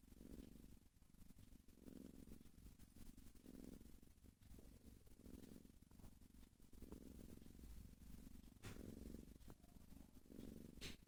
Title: Use Headphones 💕 Cat snoring!